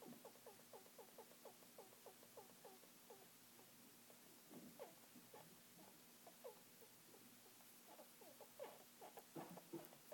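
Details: Pet rat making soft, rapid squeaks and clicks in irregular runs, about 160 a minute, only while asleep, not when active; owner unsure if dreaming or sick.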